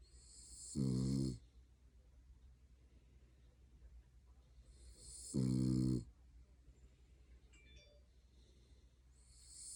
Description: Our dog Missy falls asleep on your lap in weird positions then starts snoring.